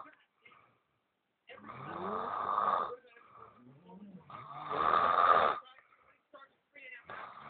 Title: Snoring boyfriend